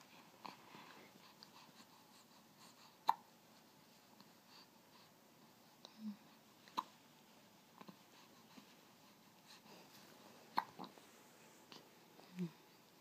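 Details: Baby having hiccups while moving as if dancing: soft, brief hiccup sounds recurring every few seconds in a quiet room; ordinary infant hiccups.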